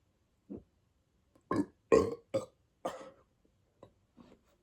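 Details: A person who reports feeling bloated and says they can burp on command gives about six loud, gulping burps in quick succession, then smaller ones; repeated belching.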